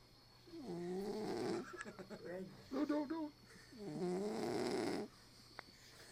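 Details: Pet Cock-a-poo dog snoring in sleep: loud, drawn-out nasal snores with a whining, moaning quality over two long breaths, with fluttery snorts between them.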